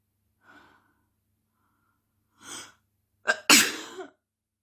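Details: Self-induced sneeze by a female before getting ready for the day: a soft breath intake, a brief sniff, then a sharp explosive burst with trailing exhale.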